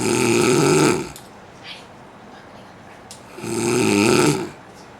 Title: funny video of snoring man